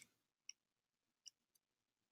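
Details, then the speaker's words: AED training: after the pads are placed on the bare, dry upper right and left chest, sharp plastic clicks sound as the pad connector is plugged into the AED, which then analyzes heart rhythm; AED pad connector plugged in. "plug in the canoe AED if necessary AED should start analyzing the person's heart rhythm"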